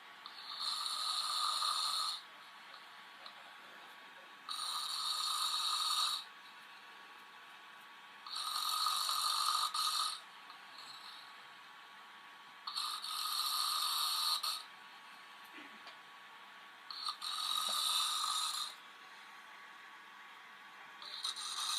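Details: Adult man snoring during sleep: regular rattly, hissing snores on each in-breath, about 14 a minute, with quiet pauses between.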